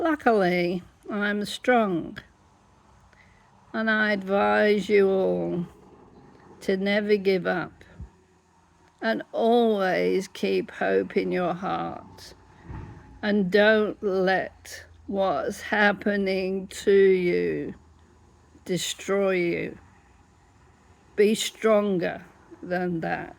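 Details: Adult woman with dystonia affecting her whole body; larynx closes up, sometimes leaving her unable to talk; laryngeal dystonia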